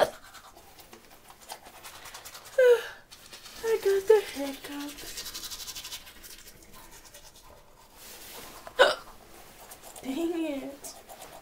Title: INSANE HICCUPS//January 24, 2010//EP 69